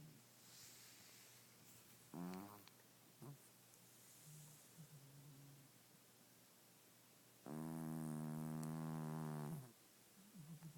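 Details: Pet cat asleep in the dark, who snores all the time and gets loud: a short snort, then a long, loud, droning snore with soft breathing between, over low room hum. Snoring.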